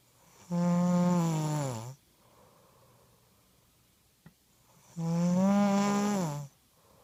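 Two loud, buzzing, tonal snores about 4.5 seconds apart, roughly 13 breaths a minute, with quiet breathing between them: snoring.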